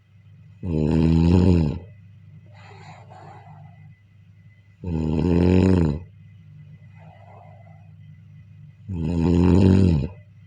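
Loud, rough, rattling snores on each in-breath with quieter breathing out between, about 14 breaths a minute: ordinary snoring.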